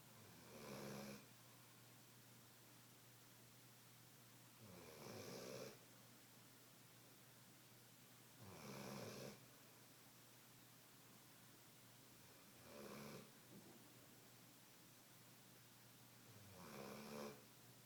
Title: Snore off!